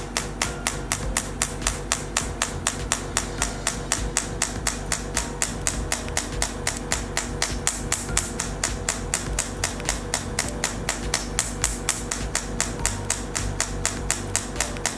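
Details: Radial shockwave therapy (ESWT) handpiece applied with gel to the skin over the trapezius muscles: sharp, regular clicks about four per second, with background music; shockwave handpiece firing.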